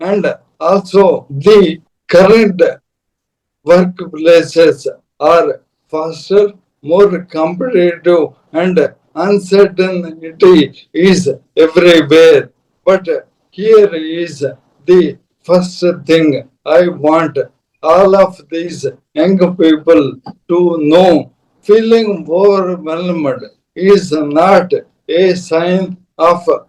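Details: Adult man, a corporate strategist of 30+ years, with Parkinson's from 2022, diagnosed late, later ALS (motor neuron disease); mobility and speech very severely affected; slow speech with long pauses; dysarthria (ALS / motor neuron disease).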